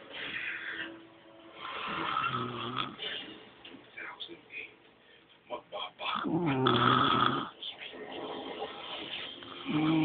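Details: Grandmother asleep, snoring louder than she believed: rough, rattling inspiratory snores with television or room talk in the background; snoring during sleep.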